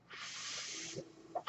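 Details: Mechanical ventilator noise heard between spoken phrases: a steady airy hiss of about a second, then quiet, matching the ventilator delivering a breath.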